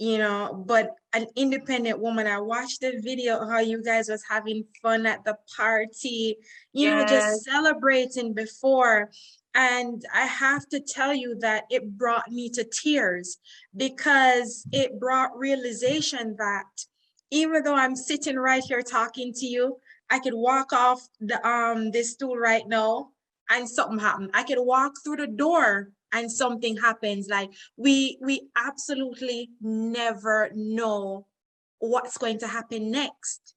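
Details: Adult woman speaking; normal speech.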